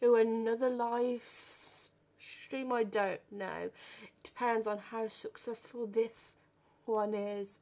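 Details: Stuttering in a 32-year-old woman who has stammered since about age five or six, worst on the phone; had speech therapy and learned breathing techniques at 15.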